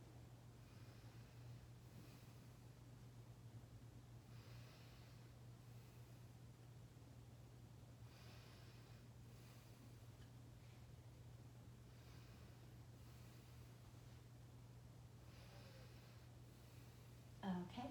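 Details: Normal breath sounds heard on stethoscope auscultation during a respiratory assessment, patient taking deep breaths as the stethoscope is moved.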